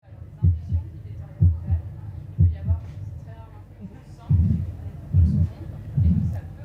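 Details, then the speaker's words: Heard by stethoscope: crisp normal heartbeats at about 60 a minute with valves opening and closing, then, as an example, beats smeared by a whooshing murmur from turbulent flow, as with leaky valves; demonstration of a heart murmur. "vous avez pu distinguer pour l'exemple ce qu'on appelle un souffle au coeur d'abord le battement normal le bruit des valves qui s'ouvrent et se ferment et puis un son différent"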